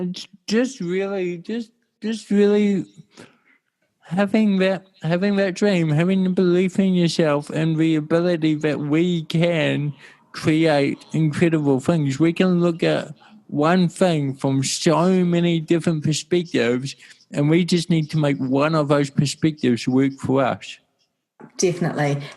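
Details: Adult male with cerebral palsy since birth in 1984; mild dysarthria (cerebral palsy).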